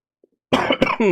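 Short, harsh cough bursts from an adult man with a cold, after a brief silence.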